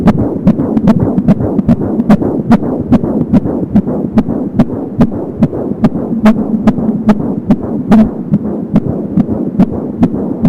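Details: Fetal heartbeat at 20 weeks of pregnancy on an Angel Sound home Doppler: rapid, regular whooshing pulses at about 170 per minute, with umbilical cord whooshing also heard.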